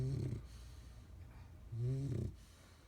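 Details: Dog snoring in sleep: low, rumbling snores, two within three seconds, with a faint breathy inward phase.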